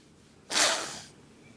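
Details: Person who says they can't stop sneezing, in a long sneezing fit: a single sharp, hissing sneeze burst lasting about half a second.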